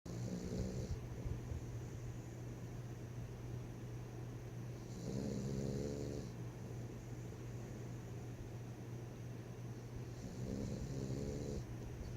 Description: Zip is our 2 year old pocket pit!! Snores up a storm at 25 lbs!!!